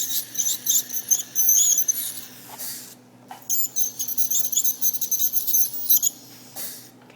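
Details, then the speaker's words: Ultrasonic scaler with water cooling spray removing tartar from a sedated dog's teeth during dental cleaning, tip held at an angle, not 90 degrees: high-pitched whine and hiss with squeaky scraping. "it uses water because this tip can get really hot and the water kind of helps keep it cool so that we don't do any damage too"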